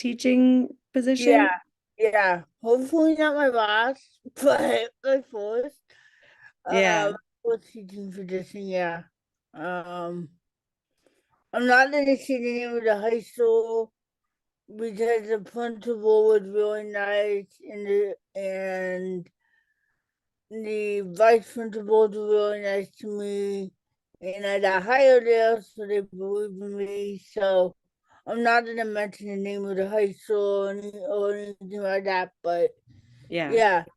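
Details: Adult woman with cerebral palsy, self-described as talking differently and possibly hard to understand; dysarthria (cerebral palsy).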